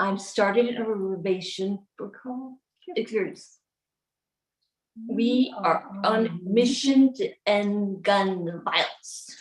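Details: Adult woman with aphasia after a 2011 gunshot wound to the head, delivering the closing lines of a practised, memorised speech; aphasia.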